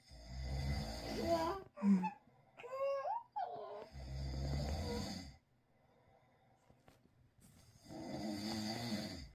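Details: Father's loud, rough, low snoring wakes a baby, who gives brief fussing cries before the snoring resumes.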